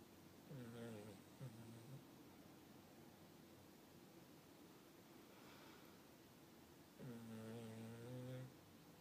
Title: My snoring dog, too funny